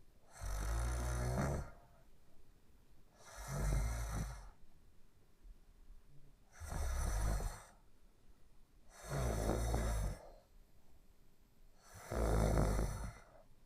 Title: Sleeping & Snoring in 1 minute & 42 seconds